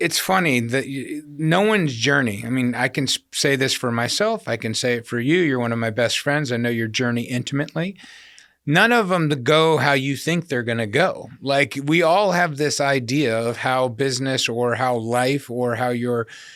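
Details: Adult male speaker; typical speech.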